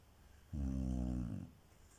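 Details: Chow Chow dog snoring loudly while asleep before being startled awake: a single low, rumbling snore about a second long against quiet room noise.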